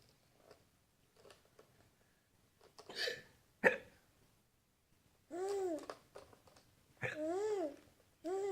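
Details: Hiccups of an adult woman (the mother), with her small child and the father mimicking them: several short, abrupt catches of breath between the child's babbling and squeals.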